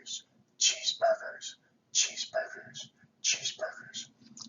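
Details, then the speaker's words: Vocal imitation of a carotid bruit, a "whoosh whoosh whoosh" with each heartbeat, as heard when listening at the corner of the jaw before carotid sinus massage; the bruit is turbulent flow through a partially occluded artery. "a whoosh whoosh whoosh sound with each beat of the heart"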